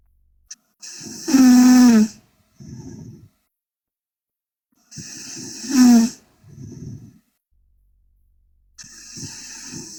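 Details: Sleeping Korean girl snoring loudly: rattling, whistling snores on the in-breath, about three breathing cycles in ten seconds, each followed by a noisy out-breath.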